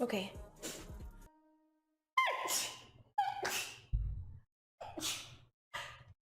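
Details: A run of separate sneezes, each a sharp gasping intake followed by an explosive burst of air, with abrupt cuts between them: repeated sneezing.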